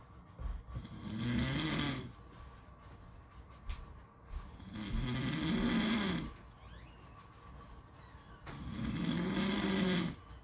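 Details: Long, rumbling, fluttering breaths repeat about every four seconds over steady background noise; snoring during sleep.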